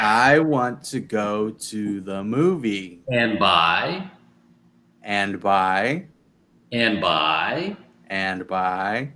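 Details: Adult male speaker; aphasia.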